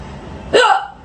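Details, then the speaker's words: Persistent bad case of hiccups that breath-holding fails to stop: a single sharp, voiced hiccup, a sudden involuntary catch of breath with a brief squeak, against quiet room noise. "hey it's Thursday and I have a really bad case of the hiccups and I can't get rid of them they just won't go away"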